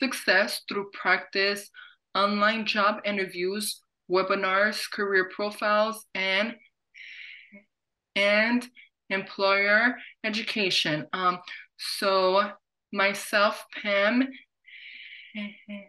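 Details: Adult woman who stutters, with repetitions audible; stuttering.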